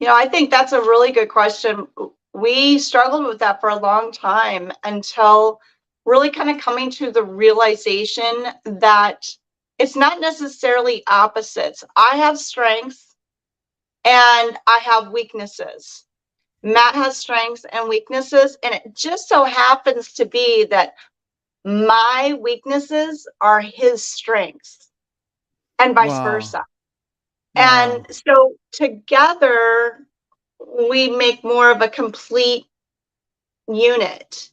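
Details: Adult woman; normal speech.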